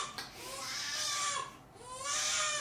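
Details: An 8-day-old girl in the NICU for severe neonatal jaundice (bilirubin 26.7), with an IV and under phototherapy, gives a loud, high-pitched vigorous newborn cry in long wailing bursts with a brief pause.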